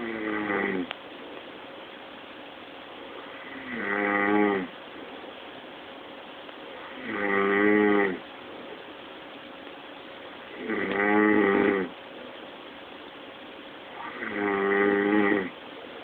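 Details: Adult snoring very loudly, with loud rattling snores on each breath in, about four in 16 seconds, and quiet breathing out between them.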